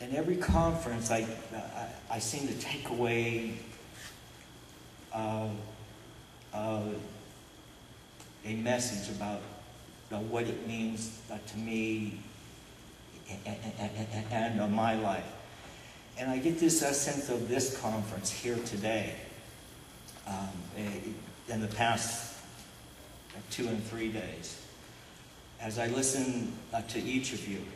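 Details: Adult man who describes himself as stuttering all over the place despite attending a covert stuttering workshop; stuttering.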